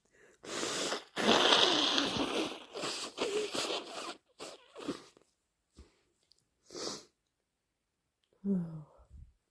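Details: Loud bursts of sneezing with wet, noisy nose-blowing sounds and sniffs between them.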